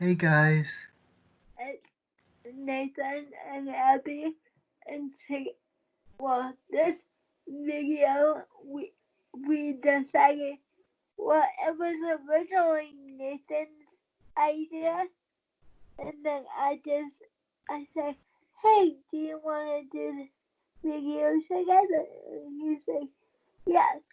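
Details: 23-year-old woman with cerebral palsy since premature birth at 27 weeks, a more advanced form affecting balance, wheelchair user; she believes prematurity affects the stability of her speaking; dysarthria (cerebral palsy).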